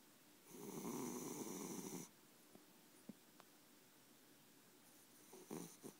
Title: Snoring cat